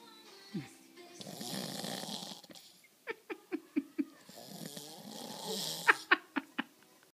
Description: Snoring his face off